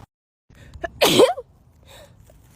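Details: Short indrawn breath, then one loud, sharp explosive sneeze with quiet aftersounds; an ordinary single sneeze.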